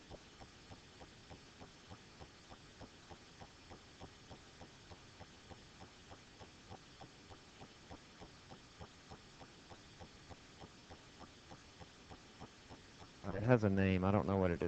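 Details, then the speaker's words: Steady, regular, soft heart thumps with a faint hum behind them; normal lub-dub heart sounds of a beating heart. "What's it called? Lub dub? Is that technical, or is that just what it sounds like?"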